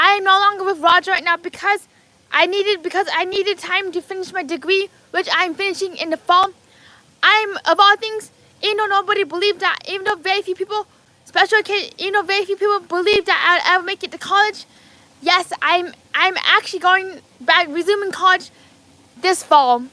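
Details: Adult man with lifelong apraxia of speech, diagnosed at age four.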